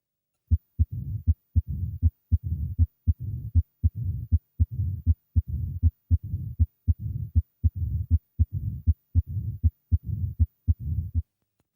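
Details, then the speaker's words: Heart auscultation with a regular rhythm near 79 beats per minute, sharp heart sounds and a low rumbling murmur filling each diastole: mitral stenosis. "that was mitral stenosis"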